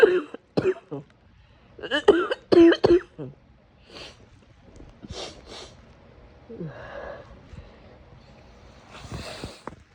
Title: The cough from hell ￼